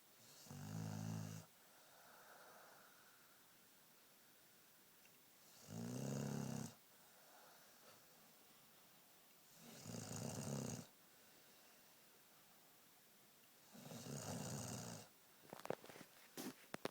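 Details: Sleeping pit bull dog: four loud, rattling snores about every four seconds, roughly 15 breaths a minute; ordinary snoring.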